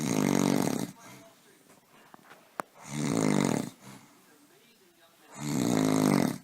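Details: Three loud, rattling snores on inhalation from a sleeping adult man (husband), about every 2.5 seconds (roughly 23 a minute), with quiet exhalations between and faint room noise: snoring.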